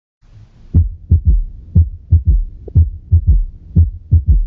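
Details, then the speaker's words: Low heart sounds in a three-beat gallop, an extra soft sound just after the second sound at about 60 cycles a minute, a sample from the internet used in pediatric auscultation teaching: third heart sound (S3 gallop). "Vale, ese sería el tercer ruido que no siempre no siempre se asocia a cardiopatía, pero bueno, todo paciente que tenga un tercer tono pues sí que sucediaría hacer una eco,"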